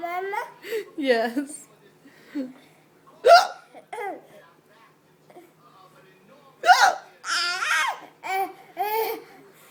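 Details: Adult woman's hiccups, heard with a 19-month-old child: sharp, abrupt vocal catches at irregular intervals, mixed with laughter and the child's giggles.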